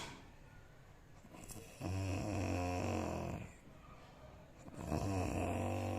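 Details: Male sleeper snoring loudly enough to keep someone awake: two loud, low, rattling snores on inhaling, separated by quieter breathing, in a quiet room, ordinary snoring.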